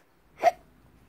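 One brief, sharp voiced gulp consistent with a single hiccup.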